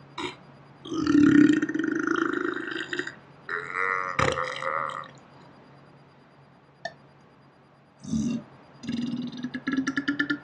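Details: Slow-motion recording of one person burping on a day off: long, deep, drawn-out, nasty belches stretched low by the slowing, a few separate burps with quiet gaps.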